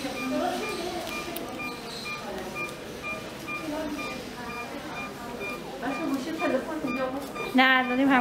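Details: Repeated bleating cries over background music and room noise, ending in a louder wail, from a newborn boy during nurse care immediately after delivery (measuring, dressing, ID tapes); a normal newborn cry.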